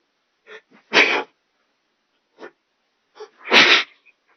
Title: Short Sneezing Fit